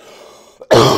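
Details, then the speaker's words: Adult man, sick for days and now recovering, with a chest cough bringing up phlegm; a quiet room, a faint catch, then one loud, harsh cough burst that is cut off, a productive cough. "But I still got this hella fucking cough, man. I got this hell of a fucking cough. And like you can just hear it on my chest, right?"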